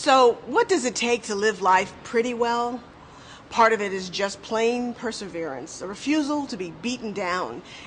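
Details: Adult female narrator; normal speech.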